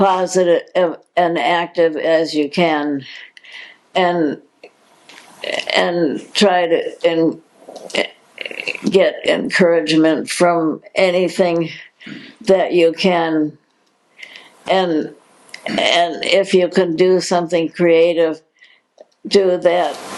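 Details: Adult woman diagnosed in 2020 with progressive supranuclear palsy, a progressive incurable neurological disease; dysarthria with word repetitions and hesitations in progressive supranuclear palsy.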